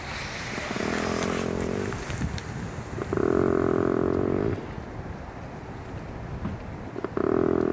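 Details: Snoring of a wild moose after being tranquilized: loud, rumbling snores with buzzing breaths repeating every few seconds.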